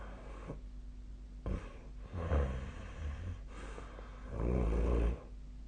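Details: Deep, rattling snores on inhalation, one long and loud, with quiet breaths between; sleep snoring recorded with the SnoreLab app on 2025/01/30.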